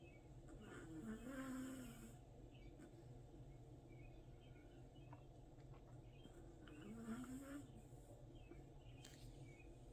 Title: Snoring dog